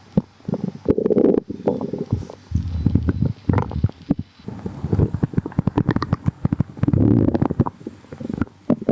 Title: some gurgles | stomach rumbling